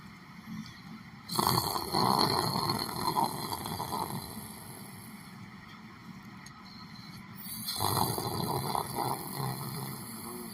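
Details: Snoring.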